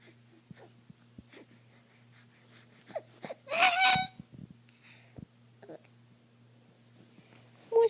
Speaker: Oh, you've got hiccups. It's not fun anymore. You got the hiccups.